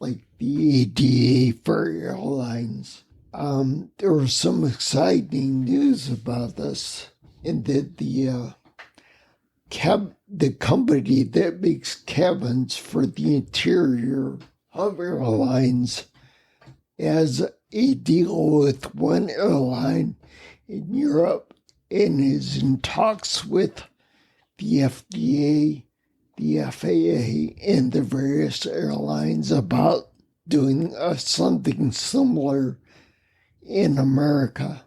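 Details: Adult man with spinocerebellar ataxia, a rare neuromuscular disease, with mobility challenges and speech impediment for over 20 years; ataxic dysarthria.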